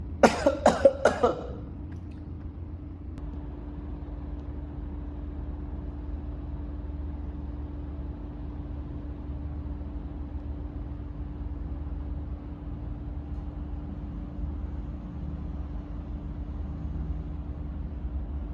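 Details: Adult coughing, in a context about cough and phlegm: a quick run of about four sharp coughs, followed by a steady engine-like hum.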